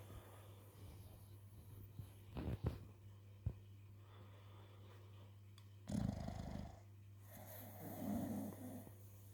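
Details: American Bully pocket dog sleeping soundly and snoring; snoring.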